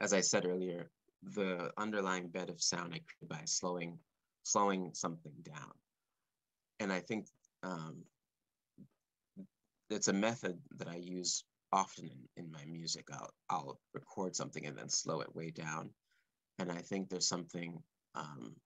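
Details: Male composer who has stuttered since about age four or five, speaking live; he describes his stuttering as blocks and repetitions; stuttering.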